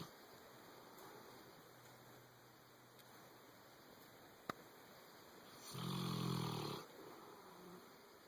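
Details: A sleeping boxer dog, comfortably settled in the owner's bed, gives quiet breathing and then one loud, rough, snort-like snore lasting about a second; snoring.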